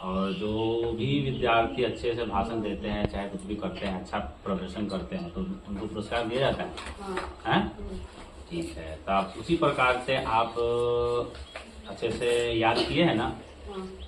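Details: Adult male speaker; normal speech.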